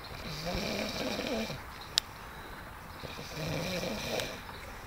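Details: Two rough, rattling snores over a few seconds from a man sleeping in a hammock outdoors, with outdoor background noise.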